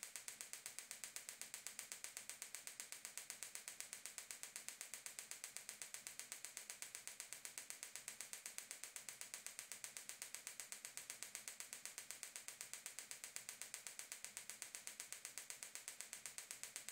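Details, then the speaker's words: Gymna Shockmaster 300 extracorporeal shockwave therapy for proximal plantar fasciitis (bony heel spur) at 3 bar, 8 Hz, 2000 shocks, 15 mm focused head with ultrasound gel: rapid, very regular sharp clicking of repeated pulses applied to heel. "keep keep applying the shocks to the same area until all 2,000 shocks have been applied e"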